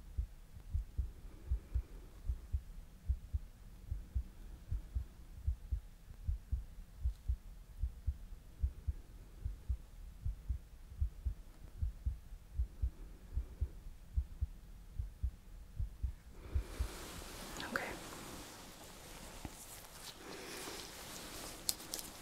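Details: Simulated ASMR ER exam for palpitations (racing, pounding heart): stethoscope on the neck over the carotid pulse, regular low thumps near 75 a minute, then rustling handling noise.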